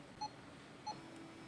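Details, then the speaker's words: Two short, high electronic beeps from a Fresenius Kabi Agilia SP syringe infusion pump while the bolus key is held down continuously; the pump LED moves faster during bolus delivery. "See the bolus, we are giving here bolus. The man is walking fastly, the LED is moving faster."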